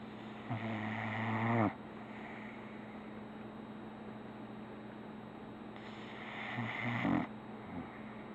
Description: My son's dog snoring on his pillow in Asheville NC .